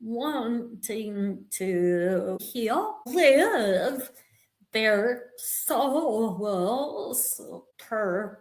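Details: Vocal tremor in a woman; attributed to over 50 years of narcissistic abuse and trauma that began at age five, and described as manifesting physically in her body and nervous system.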